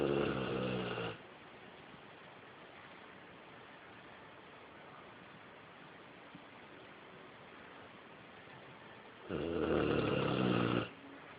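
Two loud, rough snoring breaths separated by a long quiet pause in a small room; dog snoring.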